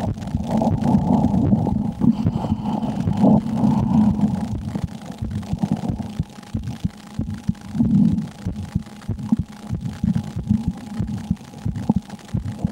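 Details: Muffled, rapid thumping heartbeat through a stethoscope, somewhat irregular in loudness over a low hum, recorded by an ASMR creator during fear while playing the horror game Slender; normal heartbeat, quickened with fear.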